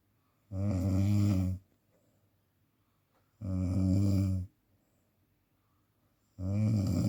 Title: THERAPI Untuk menghilangkan Sleep Apnea / Ngorok